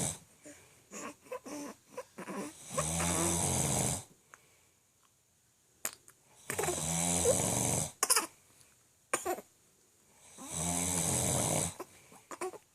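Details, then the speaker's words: Heavy snoring of a sleeping adult man (the father) at 2 a.m., keeping the family awake: loud, rattling snores every few seconds, about 15 a minute, with faint room sounds between them. "here and can't sleep because daddy is snoring so loud"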